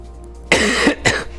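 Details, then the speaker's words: Cough from an adult man on cold medicine who suspects he has coronavirus and says he sounds bad. "I think I have the coronavirus. I sound like shit. I have a cough."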